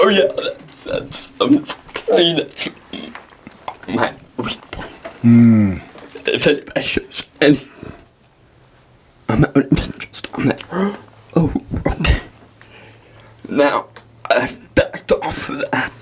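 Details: Dysarthria in a 23-year-old man with cerebral palsy.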